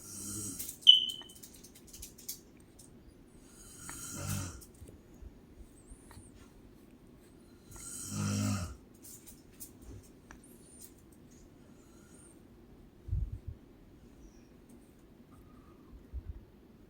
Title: My Mom Snores like a Cow